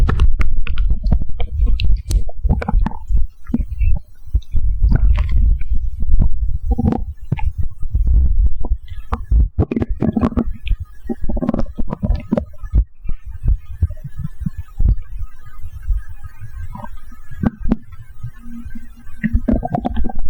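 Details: Person's abdomen after drinking a can of cola: low rumbling and gurgling with short bubbly squeaks, active stomach growling (bowel sounds).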